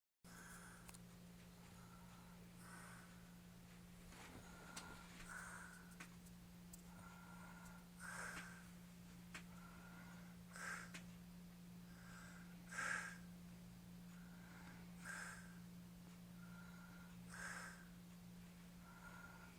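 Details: Adult man, described as drunk and hairy-chested, snoring in sleep: slow, soft, somewhat uneven snoring breaths about 27 a minute over a steady electrical hum.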